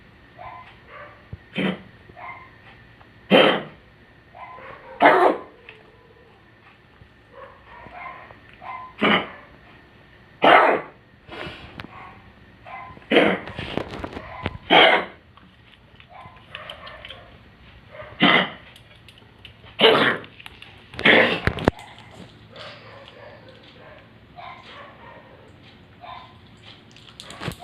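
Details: Old dog with congestive heart failure giving about ten harsh, hacking coughs.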